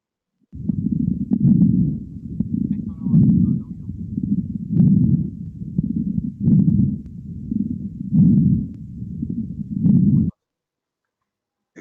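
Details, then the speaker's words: Slow, regular low heart sounds at about 40 beats a minute with varying loudness, from a syncope teaching case: complete heart block, atria and ventricles dissociated at different rates, slow escape rhythm, pacemaker needed. "ahí está está disociado las aurículas latiendo a esta frecuencia y en los ventrículos de esta frecuente"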